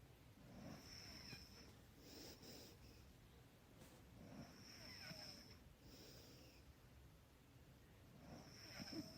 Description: Soft snoring background sound track. Some people would like to create an environment prior to sleeping.